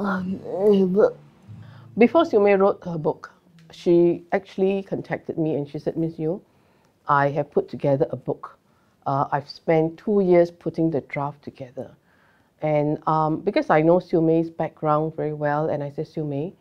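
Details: Adult woman speaking; ordinary speech.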